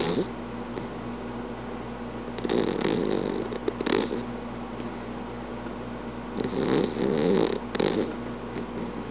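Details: Alfie, an English Cream Dachshund napping, gives two long, rough, rattling snoring breaths separated by quieter breathing over a steady low room hum; snoring.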